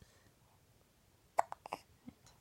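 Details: Eli with hiccups: a quick cluster of sharp, short catching sounds in a quiet room.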